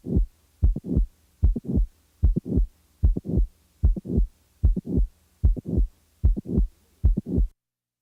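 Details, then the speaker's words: Mitral valve prolapse: regular heartbeat at about 75 a minute, with a mid-systolic click followed by an added late systolic murmur, from a heart sounds teaching collection. "now the mid-systolic click is added now a late systolic murmur is added"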